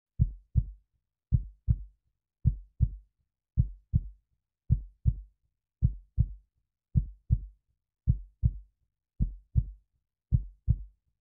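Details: Steady, slow heartbeat of paired low thumps at about 54 beats per minute, clean and even.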